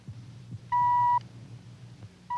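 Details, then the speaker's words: Dramatized TV scene of audiometric testing of an adult male patient with hearing loss (about 40–50 dB loss at 500–2,000 Hz): short pure mid-pitch audiometer beeps over quiet room hum. "The electronic tone of the audio meter probes the depths of the passageway for sound."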